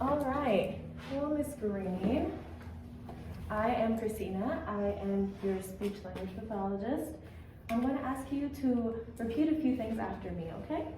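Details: Adult female clinician; typical speech.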